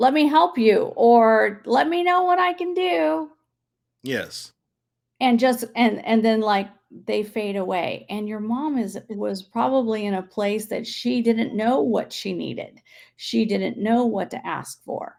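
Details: Adult woman speaking; normal speech.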